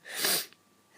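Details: A person feeling run down and unwell, with some coughing, gives a single sharp, high-pitched sneeze with a hissing burst of air, then quiet; sneeze.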